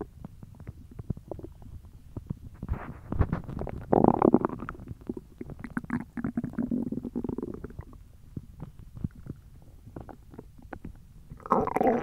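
Irregular low gurgles and rumbling growls that rise and fall: an empty stomach growling from hunger.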